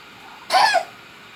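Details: A single short, sharp cough.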